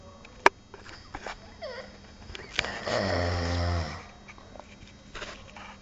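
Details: Person snoring: one long, loud buzzing snore of about a second, with faint rustling and clicks around it; loud snoring.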